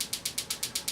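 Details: Extracorporeal shockwave therapy on Achilles tendonitis: sharp, evenly spaced clicking pulses, about eight per second, from the unit firing during tendon treatment.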